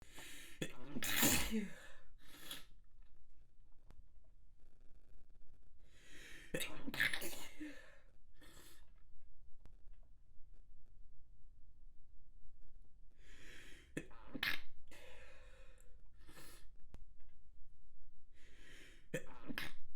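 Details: Manually induced stifled sneezes, too strong to contain, from extra-sensitive spots: several held-in sneezes, each preceded by a gasping in-breath, quiet room between them.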